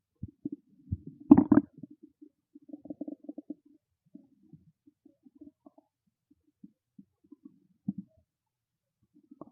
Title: Hungry Stomach Growling Loud FULL VIDEO FOR CHANNEL MEMBER #stomachnoises #stomachgrowl #stomachasmr